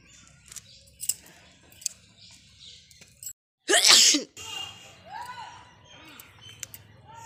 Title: nose blowing challenge# sneezing challenge video# and sound video.